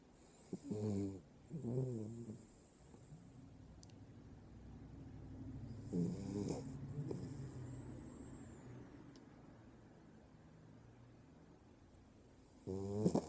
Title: The snoring dog